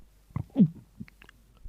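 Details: 1964 recording after larynx removal: air driven into the esophagus by mouth and tongue, injection heard first, then basic sound from vibrating upper esophageal mucosa: esophageal voice (air injection and basic sound).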